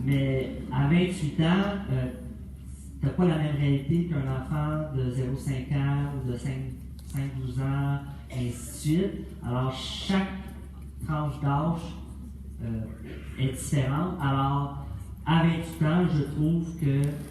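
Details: Developmental language disorder (dysphasia) in a 28-year-old man finishing secondary school.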